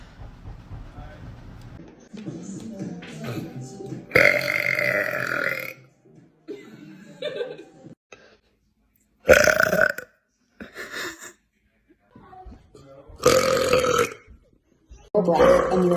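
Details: Woman deliberately burping for a recording: several long, deep, voiced belches, some separated by silence, with faint music and talk.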